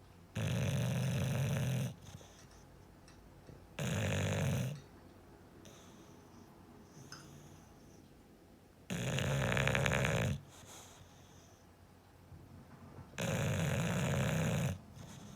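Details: Bulldog snoring while asleep: deep, rumbling snores in long regular bursts, four in about fifteen seconds, with quiet breathing between them.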